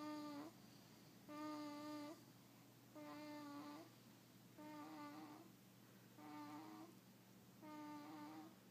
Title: Snoring